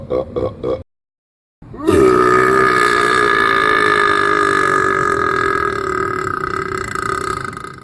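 A few short vocal bursts, a pause, then one very long, sustained, droning burp that fades slowly: prolonged belching.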